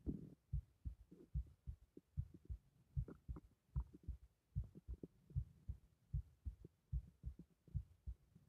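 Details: Regular low thumping pulse at about 75 a minute, each beat distinct and forceful, from a strongly pulsating carotid artery; strong carotid pulse.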